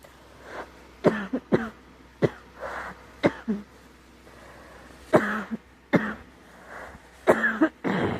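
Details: Girl with scratchy, sore throat who thinks she is getting a cold: about eight short coughs in bursts, some with a voiced tail and throat clearing; mild cough.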